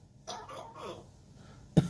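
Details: African grey parrot makes a few throaty sounds, then one short, sharp cough-like burst imitating a man: imitated cough.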